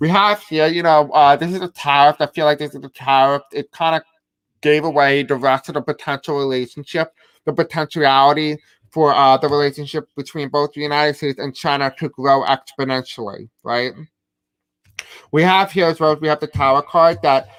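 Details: Deaf speech from a man who says he has a deaf accent and may have difficulty pronouncing certain words.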